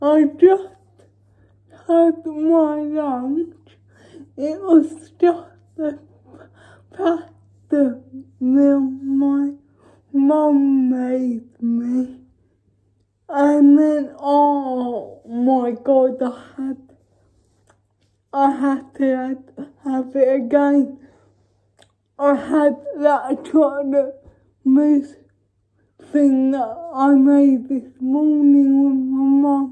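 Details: Female vlogger with cerebral palsy speaking in her daily-life vlog; dysarthric speech in cerebral palsy.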